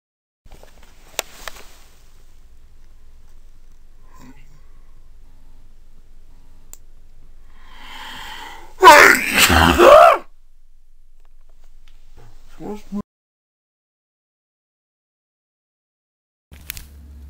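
A quick breath in, then one loud explosive sneeze in a quiet room.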